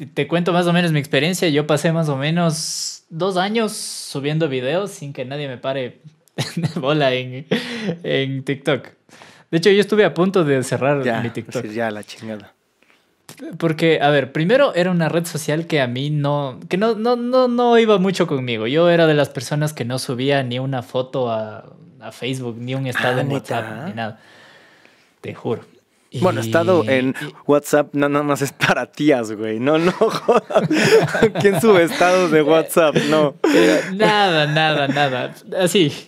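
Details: Mexican male singer who has stuttered since early childhood, cannot remember speaking without getting stuck, and reports not stuttering when singing; stuttering.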